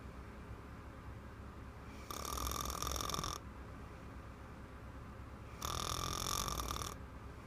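Two rough, rattling snores on inhaling, each lasting about a second, over steady room hiss; ordinary snoring.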